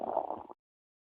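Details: Stomach growling: a brief, low gurgling rumble lasting about half a second, then silence.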